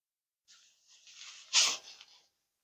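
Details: Sneeze during a chiropractic body-adjustment training session: a soft hissing inhale, then one sharp, hissy burst, a single stifled sneeze, in a quiet room.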